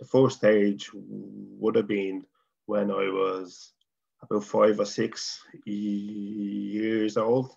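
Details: Adult man from Dublin, Ireland, who stutters, former chairman of the Irish Stammering Association; stuttering.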